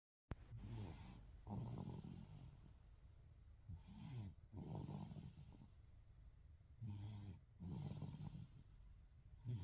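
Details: Baby snoring: soft, low, rumbling snores on each breath, about 20 per minute, with quiet pauses between.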